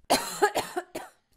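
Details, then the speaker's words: An adult woman gives three quick, harsh coughs in a row in a quiet room; an ordinary cough. "女性が咳をします。"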